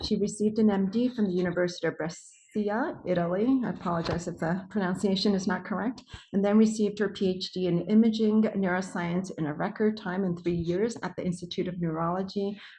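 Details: Adult woman; normal speech.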